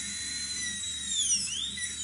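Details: High-pitched whining dental handpiece drill that rises and falls in pitch as it loads while adjusting and cleaning a plastic (plexi) partial denture for a patient with few remaining teeth.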